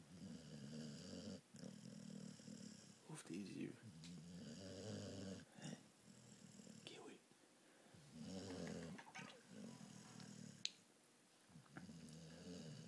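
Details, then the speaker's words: Pitbull female snoring while awake with her eyes open, making low, fluttering, snore-like breaths in repeated cycles with quiet talk nearby. "Qu'est-ce que tu fais? Tu ronfles les yeux ouverts?"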